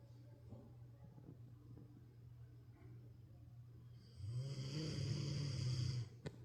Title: Snoring like he just worked a whole 9-5 lol #pets